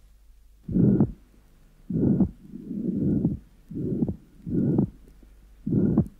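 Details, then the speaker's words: Crescendo-decrescendo pansystolic murmur of ventricular septal defect with normal pulmonary artery pressure, extending to A2; patient breathing, second sound normally split on inspiration, closing on expiration, P2 slightly increased from raised pulmonary flow, sinus arrhythmia. "here is an example of the characteristic pan systolic Mur of a ventricular septal defect with normal pulmonary artery pressure the MMA is Crescendo de Crescendo and extends up to A2"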